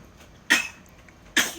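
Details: Baby sneezes while pushing an object along: two brief, soft, sharp bursts of air, small infant sneezes, with quiet room noise.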